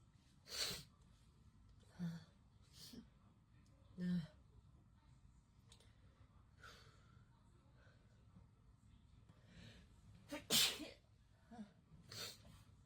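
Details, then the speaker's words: Girl or young woman doing a COVID-19 nasal swab test, sneezing uncontrollably as the swab is rotated in her nostril: several brief, sharp sneeze bursts with quiet breaths and sniffs between, in a quiet room; induced sneezing. "啊，好洒脱的哈啾哦，大家。"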